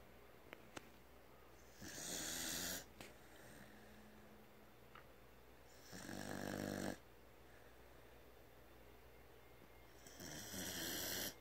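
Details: Very loud snoring during sleep: harsh snorting snores about every four seconds, roughly 14 breaths a minute, with quiet room noise between; snoring.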